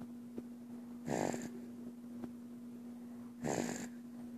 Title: Snoring Baby